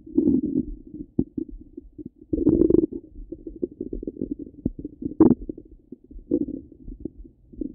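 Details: Half-hour recording of a person's stomach rumbling: gurgling, bubbling rumbles with short squeaky pops in quick succession; active bowel sounds.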